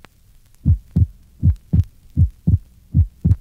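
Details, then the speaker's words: Patient with right bundle branch block: regular heartbeat about 78/min with an abnormally wide split second heart sound, recorded across inspiration and expiration. "this is an example of abnormally wide splitting of the second heart sound in a patient with a right bundled branch block refer to figure 27."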